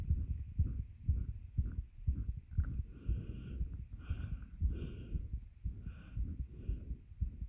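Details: Self-recorded heartbeat with a bed pressing on the chest, causing heavy breathing and attempted breath holds: regular low heartbeat thumps near 120 a minute with heavy breathing noise over them; a normal heartbeat.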